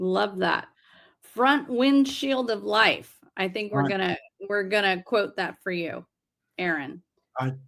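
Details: Adult woman speaking; ordinary speech.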